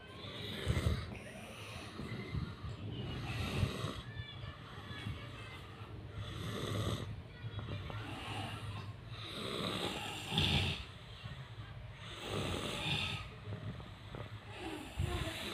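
Rough, low rattling breaths repeat roughly every three seconds, with some background sound; snoring.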